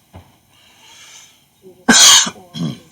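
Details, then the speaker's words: Smoker's cough in an adult cigarette smoker with a hoarse voice: a loud, harsh, rough, hissy cough burst followed by a smaller second one, preceded by a faint breath. "don't ever start smoking cigarettes men don't ever start smoking cigarettes I mean you can hear my voice you can hear me coughing"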